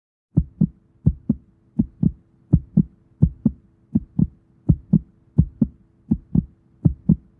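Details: Heartbeat described as fast: steady paired lub-dub beats at about 83 per minute over a faint low hum.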